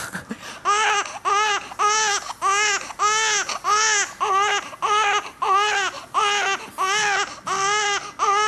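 Infant crying in steady, repeated wails, about 12 cries in 8 seconds, typical of a tired baby's 'owh' cry.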